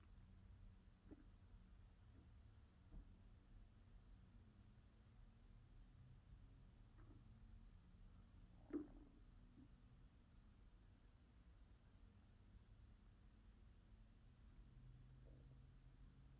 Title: ASMR sounds, listen to my stomach. Stomach growling, hunger pains, asmr stomach sounds, digestion